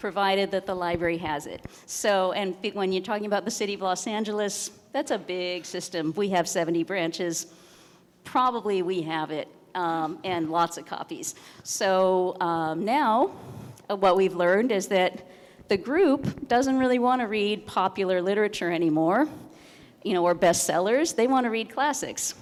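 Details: Adult woman speaking; no disorder.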